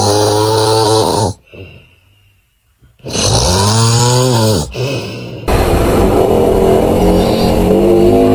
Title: Funny snoring #funnyvideo #reaction #fyp #viral #funny